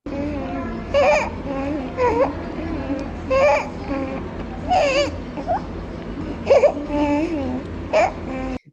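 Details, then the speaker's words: Infant with laryngomalacia, noise beginning in the first days after birth: a repeated high, squeaky crowing sound on each breath in, inspiratory stridor similar to that of recurrent laryngeal nerve palsy. "un ruido bastante parecido a la anterior empieza en los primeros días 457 días de haber nacido porque es tan parecido al de la parálisis recurrencia porque las laringe son muy pequeñas y las estructuras que vibran también son muy pequeñas"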